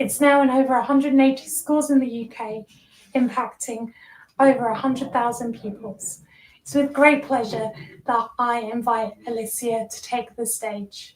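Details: Adult woman, single speaker; ordinary speech.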